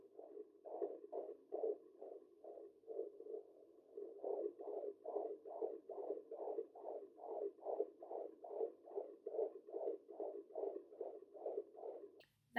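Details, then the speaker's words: Rapid, regular whooshing pulses of a fetal heartbeat at 24 weeks of pregnancy, heard on a home Doppler placed low on the abdomen and measuring about 145 to 150 beats a minute: a normal fetal heartbeat. "his baby's heartbeat at 24 weeks it is currently measuring 145 to 150"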